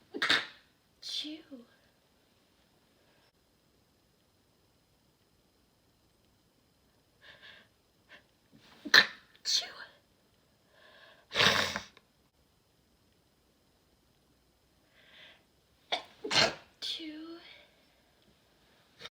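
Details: Several forceful sneezes, some with a short inward breath before the burst, separated by quiet pauses; run of strong sneezes.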